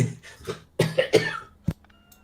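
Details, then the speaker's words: Adult with a rough cold and a horrible hacking cough gives a quick run of several harsh, hacking coughs. "Um, but I have a horrible hacking cough, so I'm trying to mute myself so that I don't disgust everyone."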